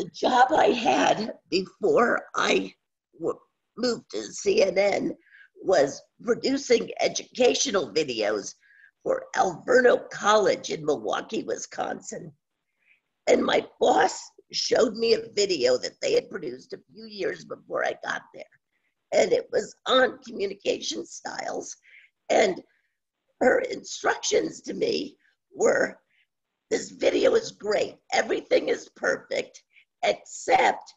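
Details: Woman with spasmodic dysphonia worsening since about 2010, no cure, treated with Botox shots. Scratchy voice; spasmodic dysphonia.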